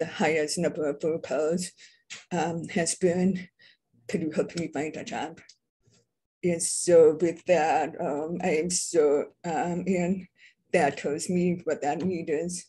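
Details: Adult who identifies as deaf and having a deaf accent; deaf speech (deaf accent).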